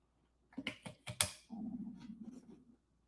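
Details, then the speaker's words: A few soft clicks, then a low, gurgling rumble lasting about a second from an adult livestreamer who says they may need to eat; ordinary stomach growling (borborygmi). "Did y'all hear that? That was my stomach growling. Holy gez. Somebody thinks I'm I might need to eat, huh?"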